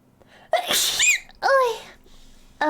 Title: SNEEZE